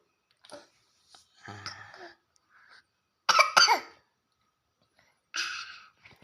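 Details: Young child drinking water who still coughs when drinking: a few sharp, wet coughs and throat-clearing after swallowing water too fast, choking on water.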